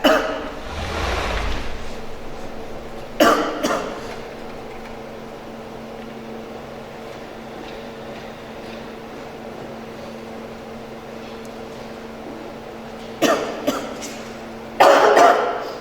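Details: Harsh irritant coughing in two short clusters separated by quiet room noise, from a girl vaping a very strong vape; she says the vapour gets stuck in her throat, her nose is running, and she normally coughs anyway.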